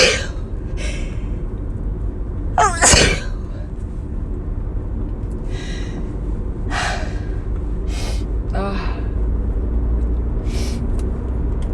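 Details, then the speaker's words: Person sneezing at 5 AM from a tickling nose: a loud sneeze with sharp intake and explosive release, then quieter breaths or sneezes, over heavy low background rumble; sneezing. "Oh my god, my nose. It fucking tickles."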